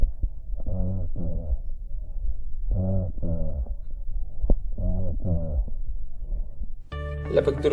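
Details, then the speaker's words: Bronchophony over consolidated or collapsed (atelectatic) lung: muffled yet distinct spoken syllables through the chest wall, repeated three times, the full frequency spectrum transmitted so the voice is heard clearly. "bronco fonía en condensación o atelectasia se transmite todo el espectro de frecuencias y la voz está oculta con claridad"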